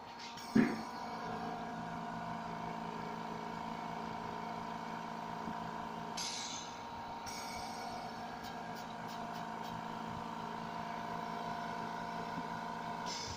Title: Oxygenerator repairing due to motor partially damage